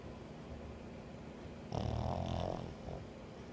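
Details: Snoring: a single low, fluttering snore rising out of a steady background hum.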